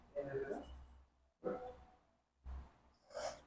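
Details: Three short bursts of forceful nasal snorting and gasping breath, each followed by a fading exhalation, from a patient told to relax and breathe during a chiropractic adjustment for disc bulge and back pain.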